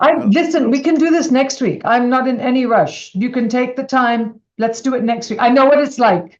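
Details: Adult woman speaking; normal voice.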